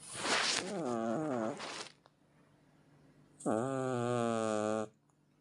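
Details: Cat snoring heavily: two long, loud, droning breaths with a whistling, almost vocal tone, separated by a short pause; snoring.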